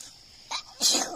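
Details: Single sneeze after smelling something: a small sharp intake, then one loud hissing burst of air; sneezing.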